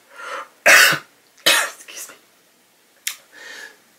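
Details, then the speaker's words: Adult sick with a cold and a hoarse voice: two loud, harsh coughing bursts, then a short throat-clearing, before stopping to get a drink to settle the cough. "let me let me get a drink right quick just stop this cough"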